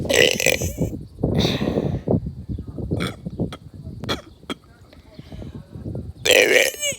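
Several loud, croaking burps with quieter gulping sounds between them, consistent with repeated belching rather than hiccups.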